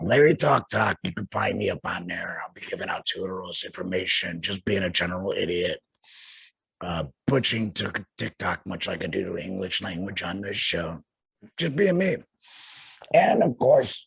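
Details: Speech of an adult male laryngectomee using a tracheoesophageal puncture (TEP) voice prosthesis after laryngectomy surgery; tracheoesophageal speech after laryngectomy.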